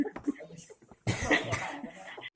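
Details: Short harsh coughing burst after talk, amid room chatter; a drunk man coughing after learning to inhale from a vape.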